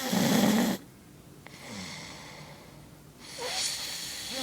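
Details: Two loud, buzzing snores separated by a quiet pause; snoring.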